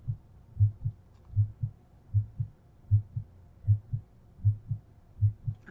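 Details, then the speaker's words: Normal heart sounds in a female patient during a physical assessment: regular, clean S1 and S2 at about 78 per minute with no extra sounds, heard at the pulmonic area, Erb's point and tricuspid area. "s1 s2 and pulmonic area s1 s2 at herb's point s1 s2 at tricuspid"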